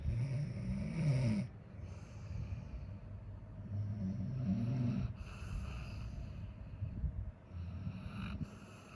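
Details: Coco, a Labrador dog tired after playing all day, sleeping with low, rumbling, loud snores in long drawn breaths, a few cycles over several seconds; snoring.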